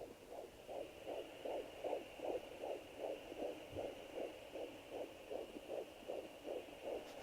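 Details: Fetal heartbeat on a fetal Doppler at 13 weeks 5 days of pregnancy: rapid, even whooshing pulses at about 150 beats per minute, within the normal fetal range.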